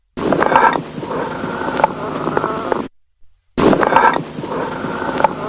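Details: Amphoric breath sounds on lung auscultation.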